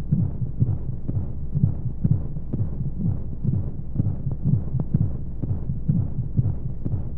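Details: Baby sleep-aid womb sound: steady, muffled low heartbeat thumps at about 125 a minute over a soft whooshing hum and white noise, a womb-style heartbeat.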